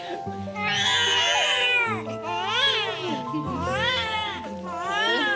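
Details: Newborn cry.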